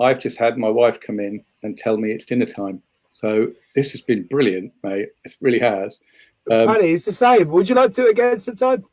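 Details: Adult man speaking; normal voice.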